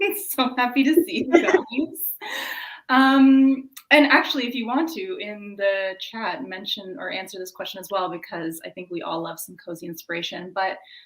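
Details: Adult woman speaking; normal voice.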